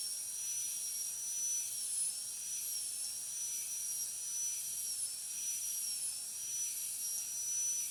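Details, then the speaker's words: High-speed dental handpiece with a short tapering needle bur finishing the proximal contact breaking on tooth 46 in a metal-ceramic crown preparation demonstration: a steady high-pitched whine dips slightly in pitch as it cuts away the thin enamel shell. "So this shell of enamel is going to protect the adjacent tooth from damage with the burr. So I am going to complete the proximal contact breaking now by breaking off its shell of enamel."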